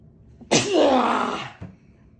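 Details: A single loud, drawn-out sneeze with a falling voiced tone, then a short sniff, from an adult after sniffing paprika during a sneeze-inducing challenge: a sneeze.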